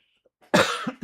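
A single sharp adult cough followed by a brief throat-clearing sound, in a quiet indoor room.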